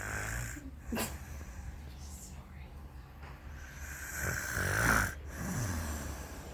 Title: When women snore